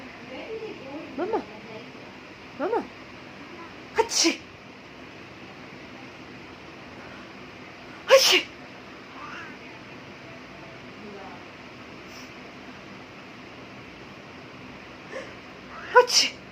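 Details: Sneezing: several short, sharp sneezes spaced several seconds apart, over a quiet room.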